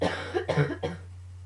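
Three quick harsh coughs in a row over steady low hum, part of a coughing fit.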